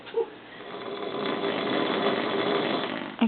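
A single drawn-out, rattling snore lasting about two seconds in a small room.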